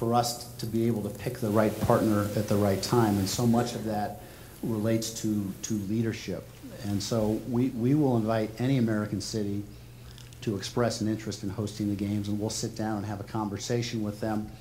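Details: Adult male speaker; ordinary speech.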